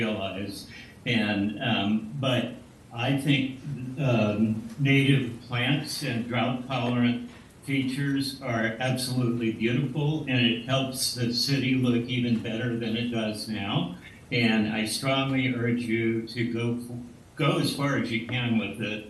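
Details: Adult male speaker; Normal speech.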